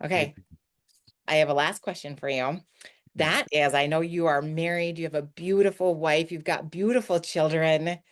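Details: Adult speaker; normal speech.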